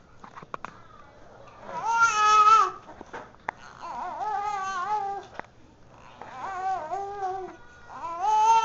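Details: An infant during burping gives repeated wavering cries and fussy vocal bursts in a small room; an ordinary infant cry.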